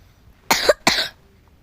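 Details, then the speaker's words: Two quick, dry coughs in close succession from someone coughing repeatedly while playing Roblox. "Maaf guys batuk animasi"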